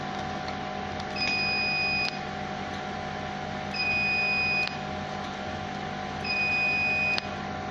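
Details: Fractional CO2 laser machine operating: steady machine hum with a long high tone every few seconds, each ending in a sharp click.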